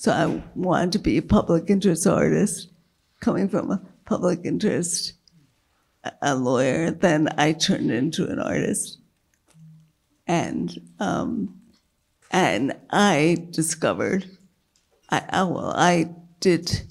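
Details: Dysphonia with halting speech in a woman with multiple sclerosis whose failing diaphragm makes keeping her voice a struggle; she earlier lost speech totally, had brain surgery, and slowly regained speech and word-finding.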